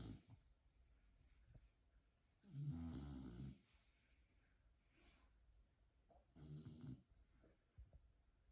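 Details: Bulldog sleeping on a couch, snoring: two loud, low rattling snores roughly four seconds apart, separated by quiet breathing.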